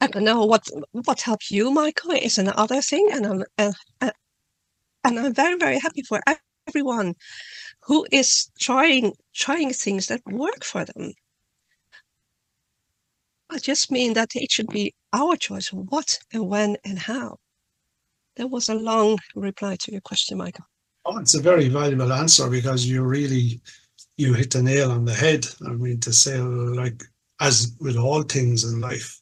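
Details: Adult woman who stutters, reading her talk aloud because she says reading decreases her stuttering, and who says she stutters less with more speaking practice; word and part-word repetitions; stuttering.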